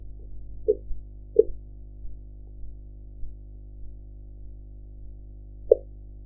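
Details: Soft, distinct tapping Korotkoff sounds over a steady low hum while a blood pressure cuff deflates, an audio-enhanced blood pressure practice recording with background noise.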